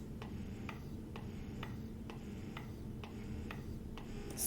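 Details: Soft regular clicking about twice a second over a low motor hum: a Momcozy M5 electric breast pump running through its let-down, expression and mixed cycling modes.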